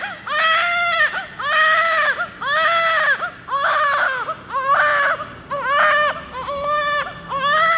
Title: why 🤯 painishing newborn baby because some reason check it